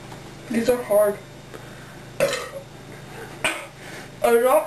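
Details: A woman gives several throaty, voiced belches in a row after quickly drinking cold Pepsi and taking Mentos, with some room noise.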